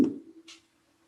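Silence, then a brief voiced syllable comes through the chest with distinct, speech-like clarity: pectoriloquy.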